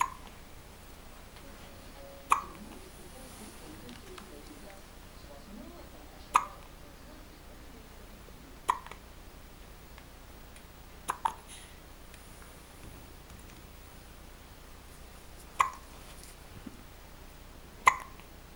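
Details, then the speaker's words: A baby girl hiccups: sharp, brief hiccups every two to four seconds, seven in about eighteen seconds, over faint room noise. "Oh, the poor girl. Hello. You got any hiccups? Yeah, obviously."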